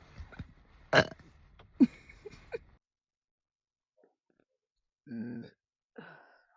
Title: Me and my ridiculous burps and NO all I did was drink coffee NOT carbonation 🙄 #burps #burping